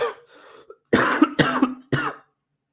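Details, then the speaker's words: Cough from an adult man getting over a bad sinus infection: three short, throaty coughs in quick succession, with a faint quiet sound before them. "also apologies if you hear me cough quite a bit I'm just getting over a bad sinus infection so there's times where you can hear me cough a little bit and I do apologize"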